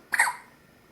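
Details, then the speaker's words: Baby with hiccups for the second time in two days: one brief, abrupt catch of breath that quickly fades; a hiccup. "our second side of hiccups in two days but they're pretty cute"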